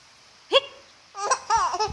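One sudden, high-pitched hiccup from a young child, followed by giggling and babbling sounds.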